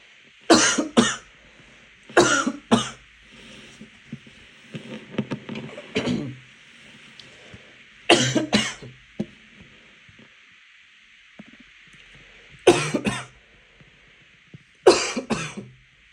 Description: a little coughing fit I had earlier because I choked on my water